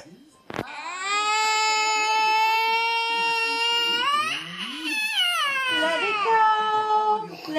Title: Crying baby lets it go at sound of popular 'Frozen' song